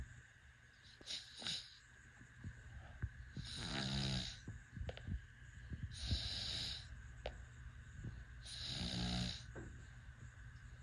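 Soft rhythmic snores in a sleeping baby, with about three noisy breathing sounds at intervals of roughly 2.5 seconds.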